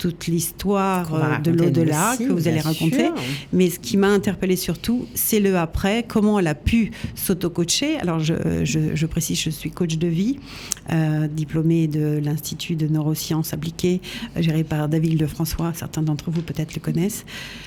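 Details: Adult male speaker; no speech disorder.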